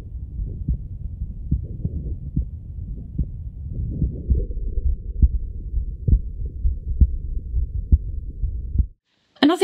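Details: Low thumping heartbeats, about 67 a minute, with some rubbing noise, recorded through a Stemoscope digital stethoscope in a comparison of Stemoscope models.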